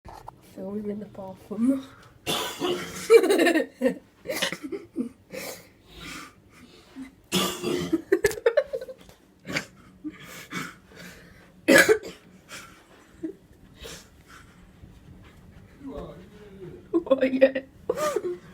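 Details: Adult man (dad) coughing in a bathroom: repeated harsh coughs mixed with throat clearing, breathy noises and vocal sounds in a small echoing room.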